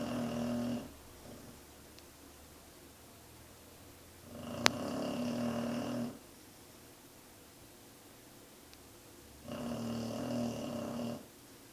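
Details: Snoring loud enough to make a desk and floor vibrate: loud, rumbling snores lasting one to two seconds each, separated by long quiet gaps.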